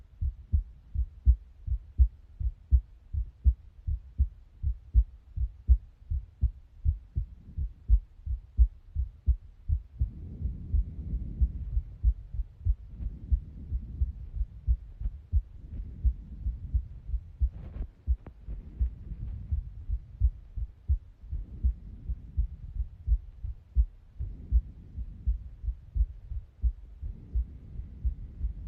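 Steady lub-dub heartbeat, about 80 beats a minute, with clear first and second heart sounds.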